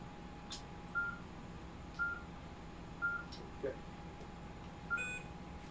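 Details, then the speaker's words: Short beeps about once a second, five in all, over steady room hum, as the x-ray pedal is stepped on during fluoroscopy-guided ganglion impar block injection at the coccyx for pelvic pain; equipment beeping. "what's the what's that what's the be that's me step on the xay oh got it"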